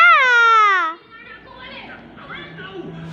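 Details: Infant, in a recording about hiccups: a single sustained, high-pitched wail, then quieter room sounds; an ordinary infant cry.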